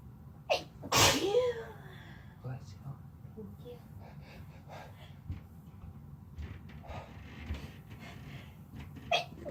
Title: Sneezing while Laying on each other (F+M)